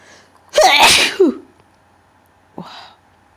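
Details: A very powerful, wet sneeze with a sharp intake before it, followed by a brief vocal sound.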